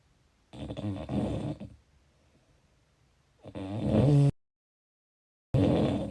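Two long, low, rough breaths with a quiet pause between them, typical of snoring during sleep.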